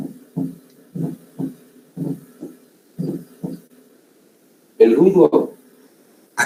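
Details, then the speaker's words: Fourth heart sound (S4), atrial gallop, from active atrial filling at end of diastole: slow repeating low thumps about 60 a minute with gallop cadence, then a burst of voice. "entonces este es el galope auricular o no"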